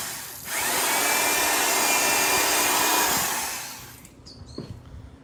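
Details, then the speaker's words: Surgical drill boring pilot holes for wire in a turtle's fractured jaw at a wildlife rehabilitation center: steady high-pitched whirring for about three seconds, then stopping. "And what she's doing is she's creating those pilot holes for the wire to slide through, okay?"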